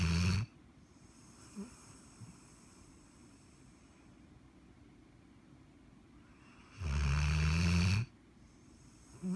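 Loud, deep, rumbling snores about seven seconds apart, roughly eight to nine a minute, with quiet breathing between them.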